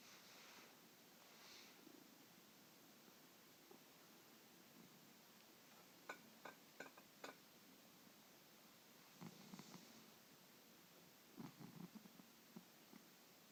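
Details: Sleeping cat, Tabby, snoring: soft, low, rumbling breath noise close to a purr, with a few faint clicks in a quiet room.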